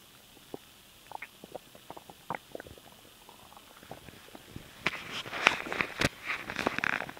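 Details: Stomach noise after swallowing air; irregular gurgles and bubbling pops growing busier and louder, normal stomach rumbling (borborygmi).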